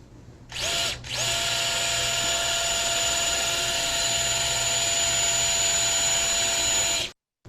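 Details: Percutaneous chevron osteotomy, first ray: steady high-pitched whine of a 3.0 drill bit running several seconds, boring bone from the first-ray base toward the head before a 4.0 chamfered-head screw.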